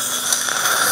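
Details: Dental polishing handpiece after scaling, before cosmetic porcelain crown restoration; steady high-pitched whirring while polishing the teeth to leave a smooth surface.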